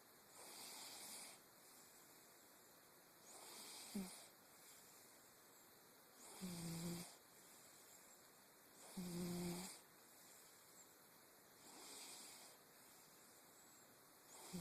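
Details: Regular snoring, about 22 breaths a minute, with a low vibrating rumble on several breaths, from a sleeping cat.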